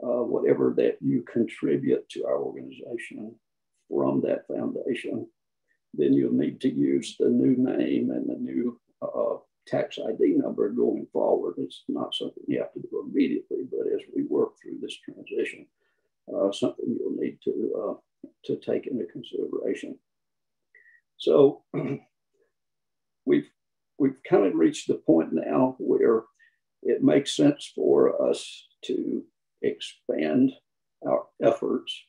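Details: Adult man who counts himself among people with spasmodic dysphonia; spasmodic dysphonia.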